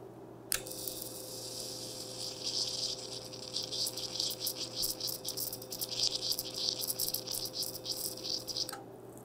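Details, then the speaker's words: Electrosurgical knife (electric scalpel) cutting in a demonstration: steady crackling, sizzling buzz over a faint hum as current flows in from the active electrode and heat vaporises cell water to make the incision. "このように患部に電流が流入すると熱が発生します実は電気メスはこの熱で細胞の中の水分を吹き飛ばして切開をしています"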